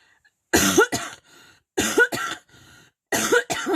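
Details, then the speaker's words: Adult cough that has persisted since December 31, heard during a coloring session. "C'est une toux que j'arrive pas à me passer depuis le 31 décembre."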